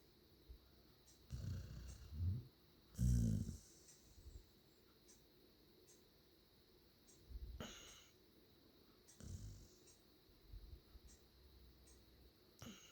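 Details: Light snoring from Chip: soft, irregular low snorts and snuffly breaths over faint room hiss and periodic clicking.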